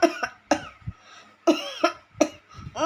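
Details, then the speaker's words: A mother deliberately coughs about five short times in quick succession to show her baby's reaction, in a quiet room; voluntary cough. "Sekarang coba kita lihat waktu aku batuk-batuk ya"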